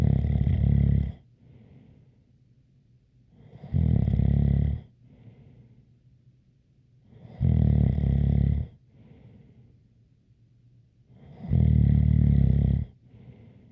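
Regular, loud, rumbling snores on each in-breath, about every four seconds (around 15 a minute), with a faint whistle and quiet breathing out between.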